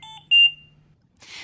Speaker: this is a medium priority alarm you hear three beeps in a repeating pattern and the audio pause button flashes yellow